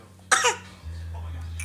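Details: A young child gives one short, deliberate fake cough, then a low steady hum fills the room: voluntary cough.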